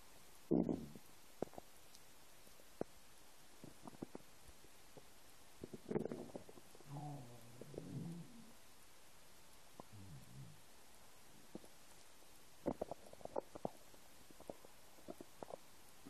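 Quiet room with intermittent gurgles, squeaky rumbles and small pops from an empty stomach; normal hunger growling.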